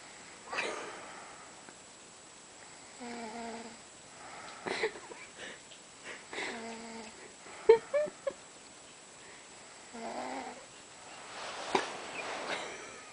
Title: snores